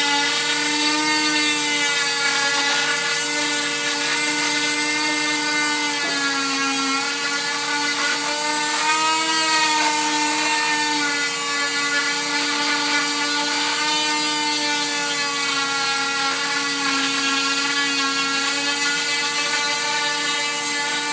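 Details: Removal of a full-leg cast six weeks after patellar tendon reattachment surgery: steady high-pitched motor whine with buzzing vibration as the oscillating cast saw cuts through the cast.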